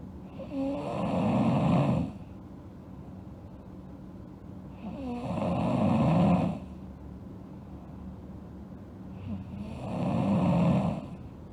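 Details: Sleeping girl snoring: slow, regular rattling snores on each in-breath, about 13 a minute, over a steady background hum.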